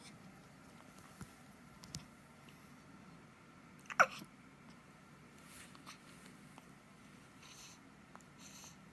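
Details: Newborn aged 5 days with hiccups in a quiet room: a few soft, abrupt clicks and one sharper hiccup, ordinary harmless infant hiccups.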